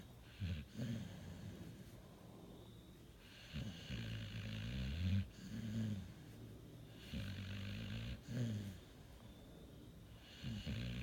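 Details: A sleeping Pit Bull with sleep apnea and restless leg syndrome snores in deep, rumbling cycles with a rougher rasp on each breath, about 17 breaths a minute, in a quiet room.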